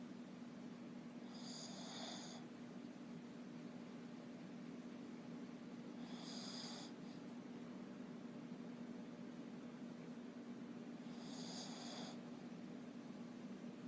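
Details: Shih Tzu: steady background hum with three soft, raspy breath noises about every five seconds, roughly 13 breaths a minute; light snoring.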